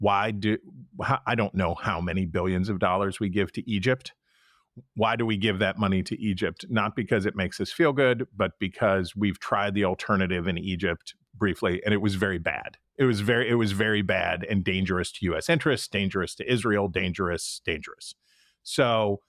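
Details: Adult male speaker; normal speech.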